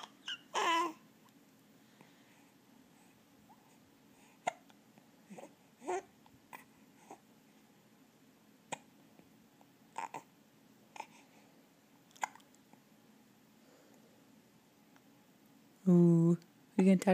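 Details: A 2-month-old infant with hiccups: repeated soft hiccups at irregular gaps of about one second, with brief infant babbling.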